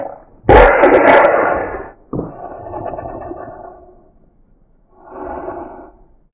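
A sharp, explosive burst of breath followed by trailing voiced sounds, consistent with a single sneeze.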